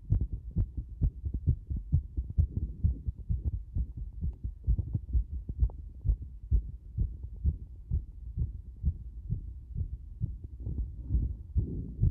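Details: A heartbeat becoming extremely fast: rapid, regular low thumping at about 130 beats a minute (tachycardia).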